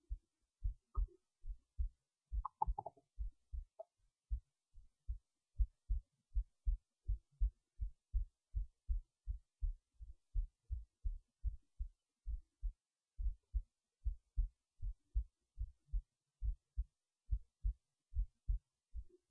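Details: Heartbeat while resting in bed late at night before sleep: steady, low, paired thumps at roughly 90 a minute in a quiet room.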